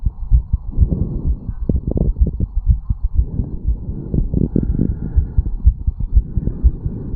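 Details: 34-year-old male after a quick morning jog or run, heartbeat recorded at the mitral/bicuspid valve area: rapid, strong, low beats at about 120 a minute, a fast heart rate after exercise.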